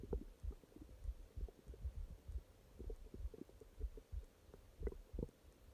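Soft, irregular low gurgles and rumbles from the belly, ordinary stomach growling.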